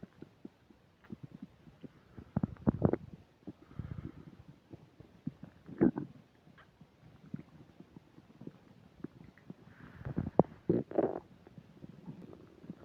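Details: Frequent gurgles, squelches and rumbling bursts from the belly, some loud: active bowel sounds (borborygmi) while eating a burger and fish fries, with upset digestion.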